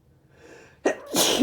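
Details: Adult man sneezing hard after taking strong chhinkni snuff, which burned his nose: a quick sharp intake of breath, then one forceful, explosive sneeze in a quiet room.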